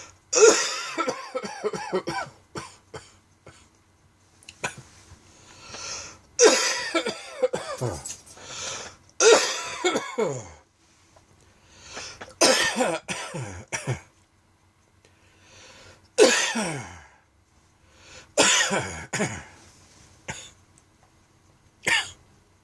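An adult coughs in repeated harsh, dry bursts with short pauses, a dry coughing fit.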